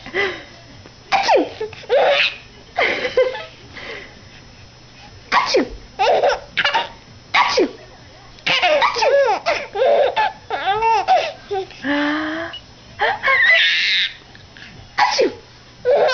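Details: A mother sneezing while her baby laughs: short explosive sneeze-like bursts from the adult, each followed by the infant's loud belly laughs; ordinary sneezing.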